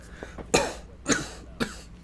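Three short, harsh cough bursts in quick succession, somewhat throat-clearing in quality, over low room hum.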